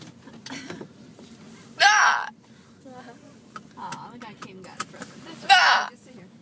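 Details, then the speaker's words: Person's hiccups, ongoing for about 30 minutes: two loud, sudden, squeaky vocal bursts about four seconds apart over quiet room noise. "i'm recording my hiccups these are my legit hiccups aren't they you guys yes i've had them for like 30 minutes or something now"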